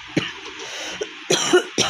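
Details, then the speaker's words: Real severe cough in a woman with a cold and one week of fever, hoarse throat: several short harsh cough bursts with hoarse throat sounds between, in a close room. "প্রচণ্ড কাশি হয়েছে, প্রচণ্ড, মানে real."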